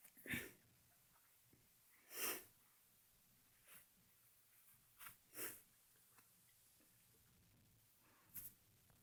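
About five sharp, explosive sneezes spread over several seconds in a quiet room, with faint sniffing between them.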